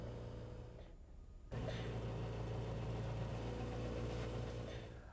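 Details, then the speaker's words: Hill-Rom Vest model 205 airway clearance system: steady low motor hum, then fast pulsing that starts abruptly as the disposable vest inflates and high-frequency chest wall oscillation therapy begins. "press the on button once more to inflate the vest and again for oscillation to begin"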